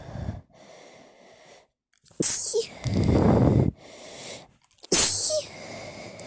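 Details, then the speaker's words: Two loud, forceful sneezes, each preceded by a sharp gasping intake with a sigh between, part of an uncontrollable sneezing fit while speaking. "I got to sneeze. Excuse me. Excuse me."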